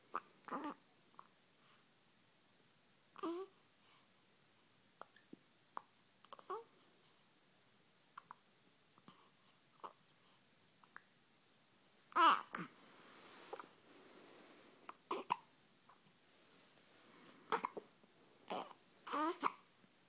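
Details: Repeated brief, abrupt catches of breath at irregular intervals among soft infant babbling and breathing; infant hiccups.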